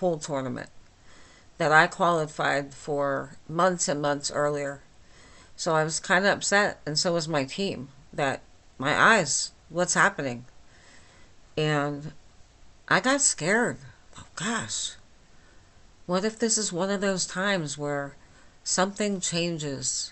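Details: Dysarthria from myasthenia gravis since age 8 in a 49-year-old woman, speaking without her usual appliance, about two weeks after finishing Rituxan treatment; she says she is understandable but not perfectly.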